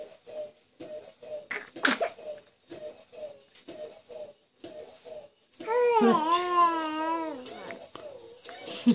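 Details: A 7-week-old infant makes soft rhythmic grunts, then one sudden sharp sneeze, followed later by a longer whiny vocal sound.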